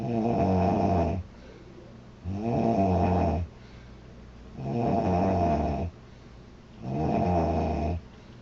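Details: Loud, regular, rough snoring from a sleeping girl on each in-breath, about 26 a minute, with quiet out-breaths between.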